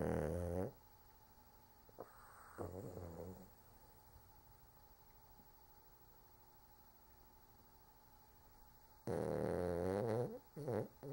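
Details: Sleeping dog: low rattling snores with long quiet pauses between breaths; snoring.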